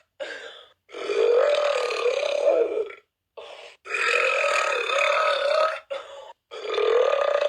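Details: Burping: five loud, drawn-out, croaking belches in a row, some lasting about two seconds, with short pauses between.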